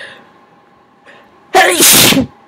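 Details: Adult sneezing on request, who says they have no real allergies, with a brief in-breath then one loud, wet, explosive sneeze; an ordinary sneeze.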